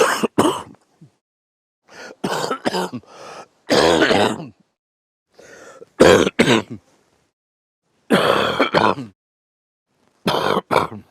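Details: A man coughing during sleep: repeated bouts of harsh, throaty coughing and throat clearing in short clusters of two or three; cough during sleep.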